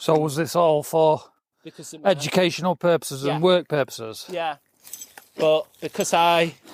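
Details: Adult speech, possibly two speakers in conversation; typical speech.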